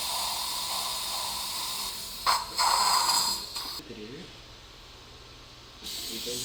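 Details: Dental surgery on tooth 13 with a crown-root fracture: periotome extraction, then OneGuide-guided immediate implant placement with a dual zone graft. Heard is a steady suction hiss with short bursts of instrument noise.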